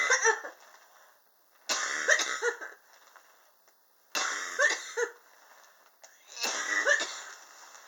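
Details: An adult's prolonged cough, four separate harsh coughing bouts of several rapid coughs each, spaced a couple of seconds apart; the person attributes it to extreme indoor temperatures in their high-rise apartment.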